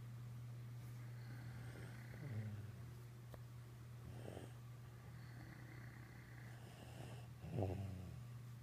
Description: My three snoring!